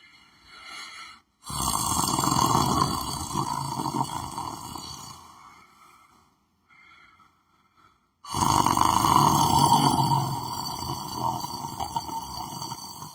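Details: A person lying on the floor of a room, sleeping and snoring: two long, loud, rough snoring breaths separated by a quiet pause.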